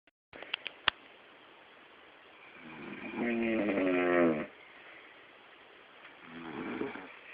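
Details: Father snoring while asleep, recorded by his child: a rough, buzzing snore on the in-breath, then quiet, then a softer second snore, in a quiet room.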